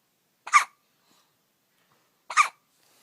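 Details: 9-day-old puppy with hiccups: two brief, sharp, squeaky bursts about two seconds apart in a quiet room. Hiccups.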